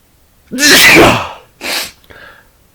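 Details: Adult male, voluntary recorded sneezes: a single loud sneeze with a voiced build-up, then a shorter burst and a faint trailing breath; sneezing.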